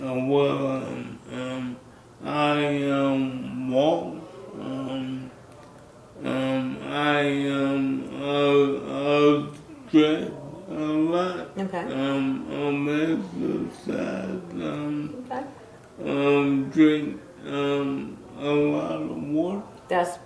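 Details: Dysarthria in a 63-year-old man with ALS, diagnosed in 2020 after first symptoms in 2017; the disease first affected his speech, starting with a raspy voice.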